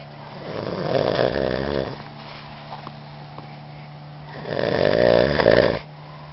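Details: Snoring during sleep: two loud rumbling snores about three seconds apart, with quieter breathing between them and a steady low hum in the background.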